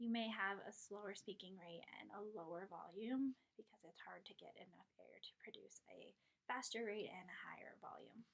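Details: Adult woman speaking; ordinary speech.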